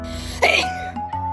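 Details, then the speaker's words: Cat sneezing: a single sharp, hissing sneeze burst over background music, a reflex sneeze possibly from droplets or dust entering the nose. "제책기로 날아온 친방울이나 먼지 입자가 고양이 코에 들어갔다면 반사적으로 제책기를 한다고 하네요."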